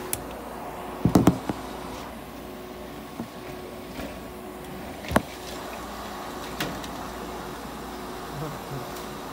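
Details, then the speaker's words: Budgerigar under treatment in a veterinary ICU incubator giving warmed, humidified oxygen therapy; steady low machine hum with a faint constant tone and a few knocks and clicks. "はい、積水インフォのふーちゃんの治療の様子です。 ICU 内で保護個室酸素療法を行っています"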